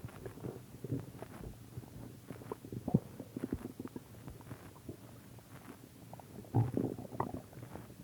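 Irregular low gurgles and rumbles come and go over several seconds, the ordinary sound of a growling stomach.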